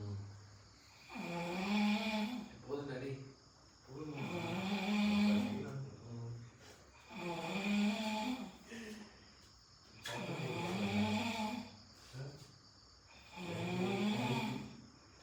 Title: Snoring #friendship #drinks #trip #kodaikanal